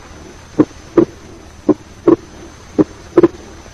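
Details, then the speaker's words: Paradoxical splitting of S2 in left bundle branch block: A2 occurs after P2, split widens during expiration, heard over the pulmonary area through inspiration and expiration. "In left bundle branch block, A2 occurs after P2 with paradoxical splitting which increases during expiration."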